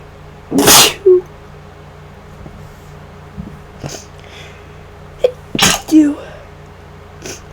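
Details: Two forceful, explosive induced sneezes with sharp intakes and small follow-on sounds, in someone sick for about five days and worsening, with nasal congestion starting today, unsure whether it is flu.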